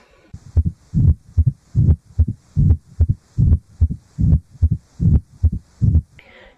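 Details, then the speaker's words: Mid-diastolic murmur, lower pitched and heard with the stethoscope bell; regular heart sounds at about 74 beats a minute with a soft, low rumble between beats. "mid diastolic murmurs tend to be lower pitched are appreciated with the bell"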